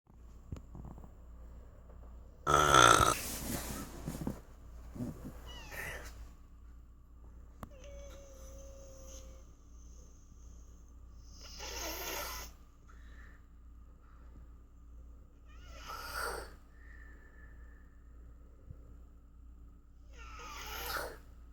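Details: Soft, rough breathing noises recurring every few seconds: snoring of a sleeping animal.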